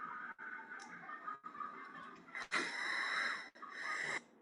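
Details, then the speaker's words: A child makes harsh, high-pitched, intermittent noisy breaths with a prolonged loud phase while eating; inspiratory stridor from subglottic stenosis. "Vieron que tiene, ese video no funciona, pero el paciente está comiendo cuando escucha el ruido. Es un ruido entrecortado, es un estridor de tipo inspiratorio."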